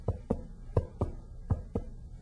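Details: Resonant percussion note on an abdominal exam of a patient without pain.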